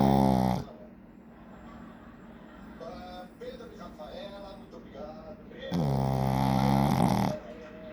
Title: Shih-tzu roncando - Shih-tzu snoring. 🤣